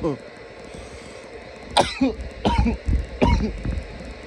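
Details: Some loud coughs: three loud, harsh cough bursts in quick succession, with throat-clearing sounds between them.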